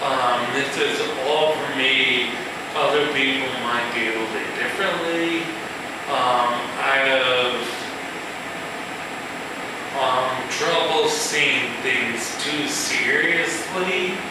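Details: Male musician with ataxia, a progressive neurological disorder with cerebellar cell death affecting balance and speech, giving a live talk; ataxic dysarthria.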